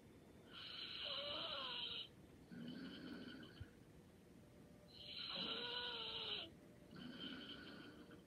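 Soft, slow breathing, about fourteen breaths a minute, with a light whistling flutter on each breath in. Quiet, light snoring.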